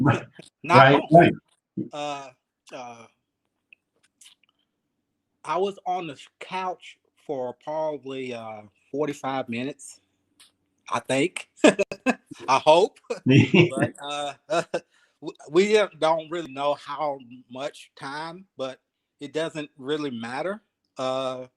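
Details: Aphasia in a 52-year-old man, 3 years after an ischemic stroke, still working on his speech in a real conversation.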